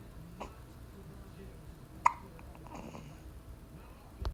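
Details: Three short, sharp hiccups in about four seconds from a newborn baby a few hours old, the baby's first hiccups.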